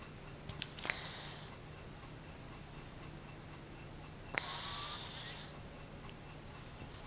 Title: Willy the Cat Snoring